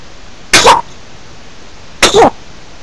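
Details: Two short, sharp hiccups about one and a half seconds apart against quiet room noise; hiccups.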